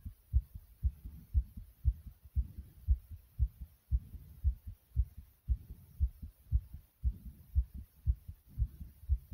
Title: Pounding Heartbeat Strong